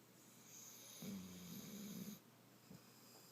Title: Snoring puppy